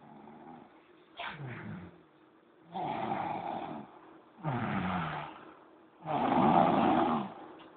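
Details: Person snoring during a noon-time nap: loud, rough, rattling breaths repeating in regular cycles about 20 per minute with quiet gaps between; typical heavy snoring.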